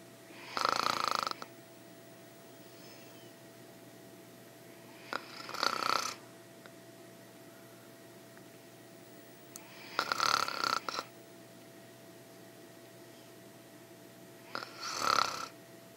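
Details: Adult woman snoring during sleep; four rattling, buzzy inhalations about every 4–5 seconds over a faint steady room hum: snoring.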